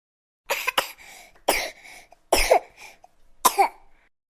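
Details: Five short, fairly high-pitched infant coughs, the first two close together, each trailing into a brief wet rasp; a sound-effect recording of a baby coughing.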